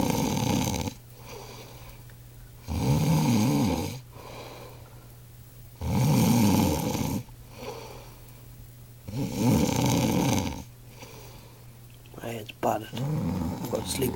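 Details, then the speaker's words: Man asleep snoring heavily, likened to a hibernating grizzly bear: loud, rough, rattling snores on each in-breath, about four in fourteen seconds, with quiet pauses between. "He's fucking still at it. The grizzly bear in hibernation."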